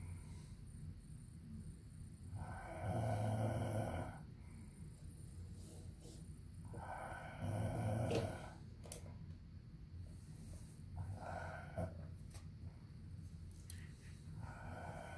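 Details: Loud rough snores from the husband, about three in fifteen seconds (roughly twelve breaths a minute), with quiet breathing between; indoor room noise; snoring.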